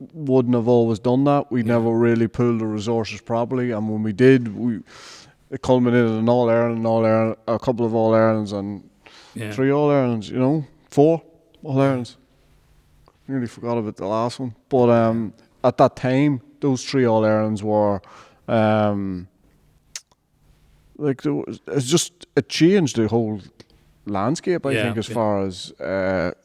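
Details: Adult male speaker; normal speech.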